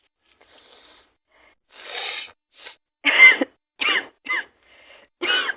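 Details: Adult with an awful cold, maybe flu, and bad fever, in a cold-roleplay scenario: breathy sniffs and nose-blowing followed by several sharp coughs in quick succession, with congestion.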